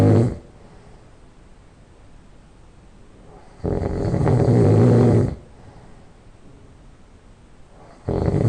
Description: I just fell asleep and started to snore